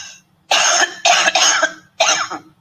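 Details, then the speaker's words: Cough sample from the COUGHVID COVID-19 cough dataset, labelled symptomatic: three loud harsh cough bursts, two close together then one after a pause; the person reported symptoms but was never tested, so COVID status is unknown. "okay so that one the person said they had symptoms but they didn't go get tested so we don't know if they had Co or not"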